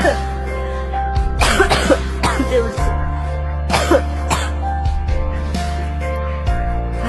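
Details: Several harsh, heavy coughs in a row from a girl who says she is not yet fully recovered, over loud background music; persistent cough.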